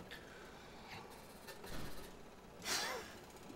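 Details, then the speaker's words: Asthma patient, coached by a pharmacist, does a peak flow meter test: quiet breathing, then one short, sharp, forceful exhalation, reading about 340. "Take a deep breath in, wrap your lips around, and blow it hard, okay?"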